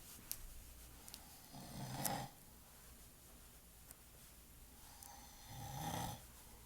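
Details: An adult man, a father who denied snoring, sleeping: two soft, rumbling snores about four seconds apart, around 14 breaths a minute, in a quiet room; snoring.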